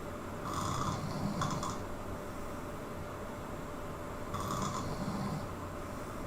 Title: Loud Snore 16